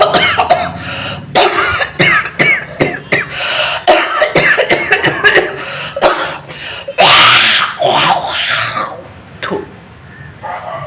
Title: मारवाड़ी की खांसी